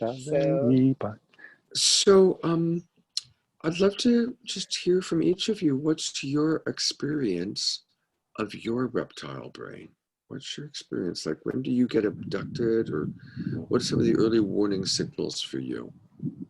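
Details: Adult speaker; normal speech.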